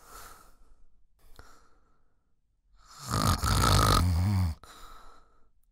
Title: 1 Hour Snoring Sound - Relax, Fitness, Workout, Background Music